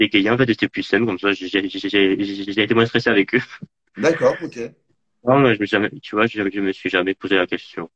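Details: Adult male who stutters, a student residence animator, interviewed in French; stuttering.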